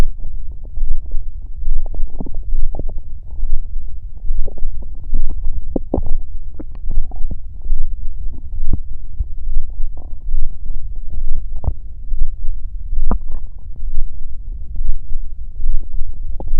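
Low rumbling gurgles and irregular soft thumps that keep going, typical of stomach growling from gas and fluid moving through the gut.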